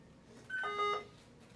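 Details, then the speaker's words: Philips V60 ventilator used as a heated high-flow nasal cannula with heated-wire circuit to cannula, no upgrade module; short two-part electronic start-up tone as machine powers on, normal power-on beep. "so we're running out of here heated wire all the way out to our cannula let's turn our machine on"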